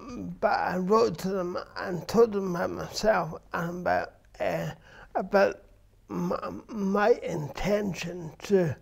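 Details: Adult man with dysarthria from cerebral palsy present since birth, which he says affects his verbal communication, balance and coordination.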